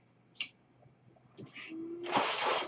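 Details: The speaker's own mechanical ventilator sounds during a podcast introduction: faint clicks, then a rising rush of air swelling into a steady loud hiss with a soft tonal whine as a breath is delivered; mechanical ventilator breath cycle.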